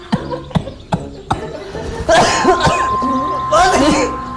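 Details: Acted comedic coughing fit from a compilation: four quick dry coughs, then strained voiced sounds over background music.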